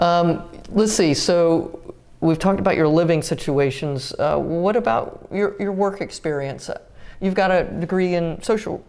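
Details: Adult speaker; Normal speech.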